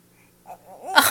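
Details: Infant girl recovering from days of illness with bad coughs, now more energetic: a brief rising voiced intake of breath ending in a sudden, sharp, hissing burst, a single sneeze.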